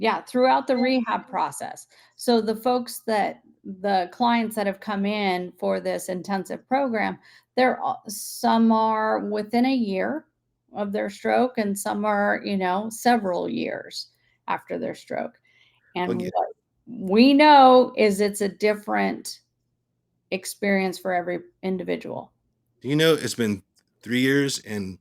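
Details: Adult woman speaking; normal speech.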